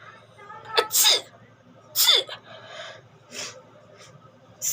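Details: A run of about four sharp, explosive sneezes in quick succession, each preceded by a short breath in: sneezing.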